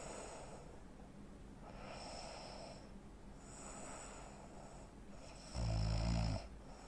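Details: Real-life snoring from a 43-year-old man (85 kg, 165 cm) with obstructive sleep apnea: rough, breathy snoring with a sudden loud snort, breathing pauses typical of apnea.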